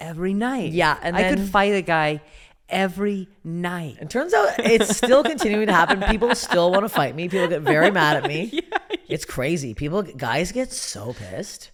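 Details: Adult woman speaking; typical speech.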